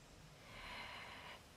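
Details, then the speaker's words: A single soft, rough, snorting breath from a sleeping pug, a faint snore against quiet room noise; snoring. "Если вы слышите храп то это мой мопс гремит Как вы знаете он спит 20 часов в сутки как любой другой мопс бодрствует только 4 часа"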